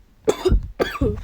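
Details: Male gamer coughing while recording gameplay commentary and apologising that he can't hold it back: two short, forceful, ordinary coughs in quick succession, slightly voiced at the end.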